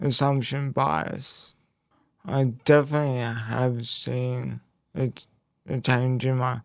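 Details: Speech impairment in a man after a left-hemisphere haemorrhagic stroke at age 12, followed by a five-week coma, with right-sided body weakness; speech was the most affected area and had to be relearned, and he reports slower information processing.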